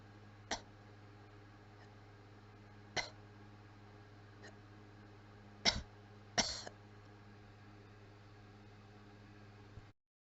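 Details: A weak, quiet dry cough: four or five short coughs spaced a few seconds apart over a steady low hum.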